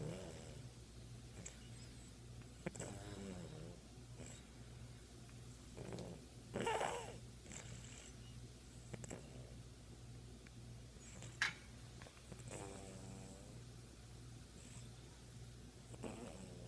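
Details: Person fallen asleep and snoring: low rumbling snores recur during sleep, with some vibrating sounds and soft room noise.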